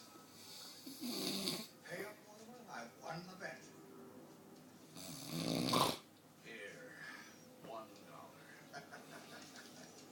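Two loud, rough breathing noises a few seconds apart, with fainter breaths between; snoring during sleep.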